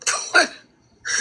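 Two quick harsh cough bursts from an adult, then a brief pause and the start of another.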